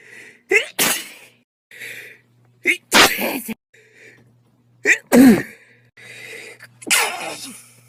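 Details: Repeated sneezes, each a sharp indrawn breath then an explosive burst, about four in eight seconds; a minute-long run of sneezing, not pepper-induced.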